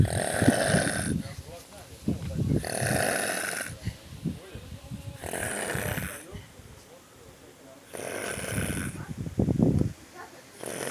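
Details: Person snoring while asleep in a pool after swimming: loud, harsh snores about every two and a half seconds with rattling sounds between; snoring in sleep.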